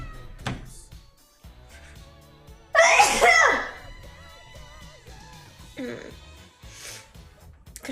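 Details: A female streamer sneezing spontaneously during a live stream: a single loud, sharp sneeze over quiet background music and room noise.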